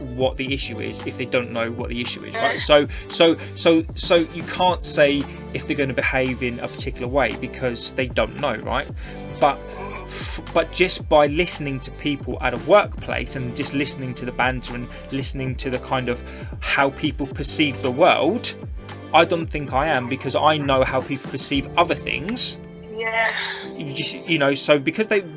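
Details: Adult woman who stammers, who also reports a vocal cord condition that sometimes stops her producing any sound and considers her stammer not that bad, speaking in a podcast interview: stuttering.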